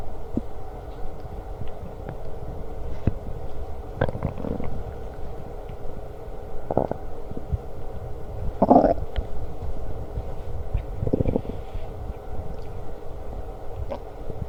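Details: Stomach growling during lunch, with burps: soft intermittent rumbles and gurgles against steady background noise; borborygmi while eating.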